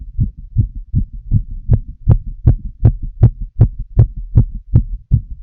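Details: Full heart auscultation of a female while she smokes a cigarette: regular low heartbeats at about 158 thumps a minute, likely about 79 beats a minute counting both heart sounds.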